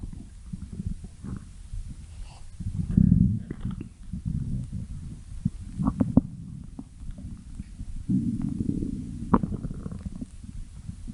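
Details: Stomach growling: low, rumbling, gurgling sounds rising and falling over several seconds, ordinary borborygmi.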